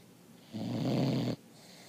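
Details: A single loud, low, rattling snore lasting under a second, with quiet before and after: snoring.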